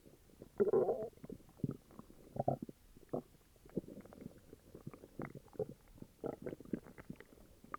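Repeated low gurgling rumbles and bubbly squelches throughout; stomach growling with an upset stomach.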